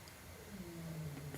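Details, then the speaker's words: Single low, rumbling, faintly buzzing breath sound from a distance, a son snoring while sleeping in the background. "maintenance guys just left and the ex-wife is still sleeping and my son you can probably hear him snoring in the background"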